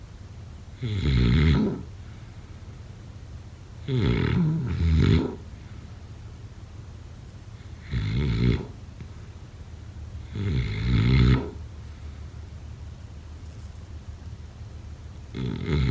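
Loud rough snores on inhalation, about one every three seconds, with quiet pauses between; ordinary snoring.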